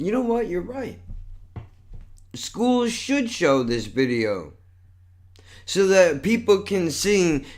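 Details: Adult male with cerebral palsy and multiple sclerosis, who says this neurological disorder affects his speech; dysarthria.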